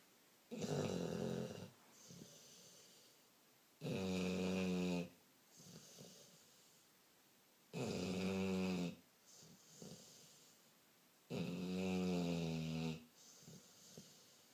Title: Snoring